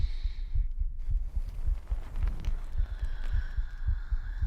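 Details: Pre-recorded heartbeat used as an ASMR sleep trigger, 3Dio binaural microphone; steady low thudding at roughly 100 beats a minute with faint hum and room noise; heartbeat.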